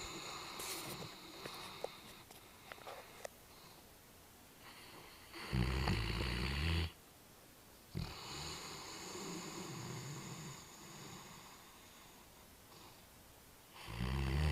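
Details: Talos, a Great Dane, asleep: deep, loud, rattling snores with long breathing cycles and quieter gaps; heavy snoring.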